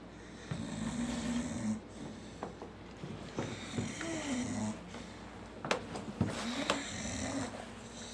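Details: Snoring while fast asleep: repeated rough, rattling breath noises with each breath in a quiet room.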